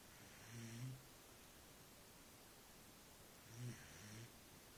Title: Dog snoring